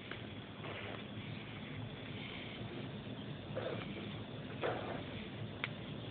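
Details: Two-day-old newborn boy sneezing several times in a row with tiny, soft sneezes over a steady hiss, then an almost pitiful little sound of relief; a habitual pattern.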